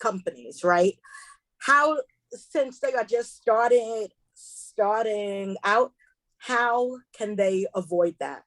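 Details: Woman who identifies herself as a stutterer, with stuttering heard while hosting a seminar; she warns listeners she will stumble across words: stuttering.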